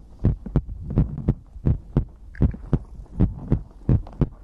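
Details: ASMR recording of the creator's own heartbeat with breathing, from a livestream compilation: deep, regular lub-dub heartbeat at about 83 beats a minute with a low hum behind; normal heartbeat.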